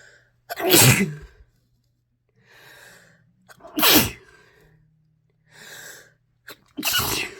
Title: compilation of induced and natural sneezes